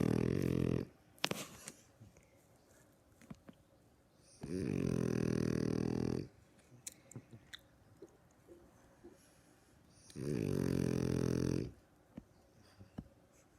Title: Snoring Beauty